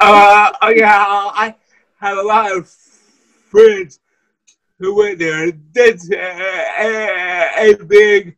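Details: Wheelchair user with cerebral palsy: dysarthria (cerebral palsy).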